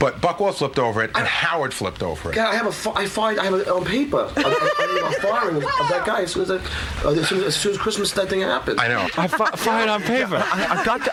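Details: Adult male radio-show staffer known for his stutter, speaking during a hidden-camera prank in which he believes he is being fired; stuttering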